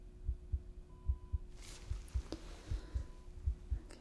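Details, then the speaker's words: ASMR role-play hospital discharge nurse exam, simulated: stethoscope on the chest during deep breaths, steady paired heart thumps about 74 a minute with soft breath noise: normal heart sounds. "Let's listen to your chest. Okay. All right. Deep breath in and out."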